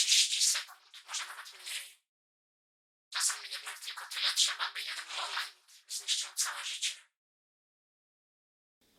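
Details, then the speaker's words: Simulated speech (audiobook excerpt) as heard through a cochlear implant (MED-EL Sonnet 2 processor) three months after surgery, by a person with single-sided deafness, reproduced via their hearing ear: thin, hissy, buzzy, with no low tones. "Here's a fragment of the audiobook that I'll play. And by implant it sounds something like this."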